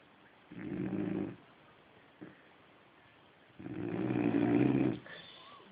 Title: Fudge the Labrador snoring